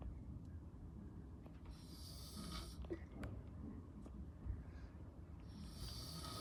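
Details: Father in deep sleep: low rumbling breaths with noisy, hissing breath phases over steady room noise; snoring.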